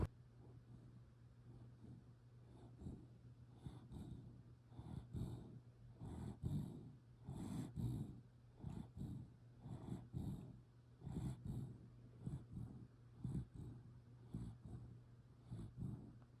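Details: Sleeping dog snoring: irregular, fairly quick snuffling breaths with low fluttering snorts against a steady low hum.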